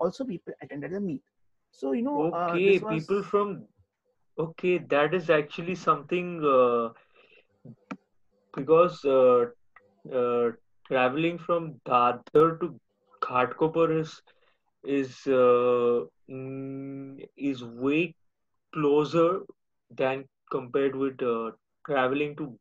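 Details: Adult male speaker; stuttering.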